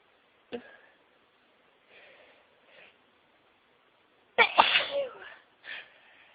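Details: Sneezing all day at work, then a fit at home: a soft gasping build-up, one loud explosive sneeze and a smaller follow-up sneeze.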